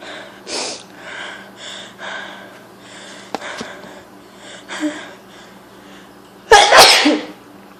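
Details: Person sneezing from hay fever: quick sniffing breaths build to one loud, forceful sneeze.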